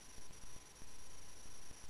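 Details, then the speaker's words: Stethoscope at the right second intercostal space, sternal border (aortic area), in a nursing teaching demonstration on a male patient: soft, low thuds of normal heart sounds, aortic valve closure, with steady hum and hiss. "are hearing the sound of the aortic valve closing blood has been pumped out of the left ventricle to the bottom"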